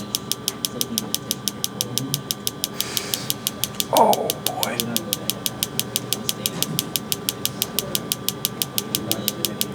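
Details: Focused shockwave therapy on an adult man's knee for chronic patellar tendinopathy, with pain scale check-ins (around 4/10): steady sharp ticking pulses a little over one per second, with voices and a brief vocal sound; shockwave device in operation.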